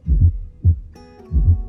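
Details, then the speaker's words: Fourth heart sound teaching example, best heard with stethoscope bell at mitral area in left lateral decubitus; low thumps, main beat preceded by a soft extra sound, atrial gallop cadence, faint background music: fourth heart sound (S4). "provocadas por este llenado final generan un cuarto ruido cardiaco que generalmente es anormal excepto en atletas de alto rendimiento con hipertrofia ventricular izquierda fisiológica"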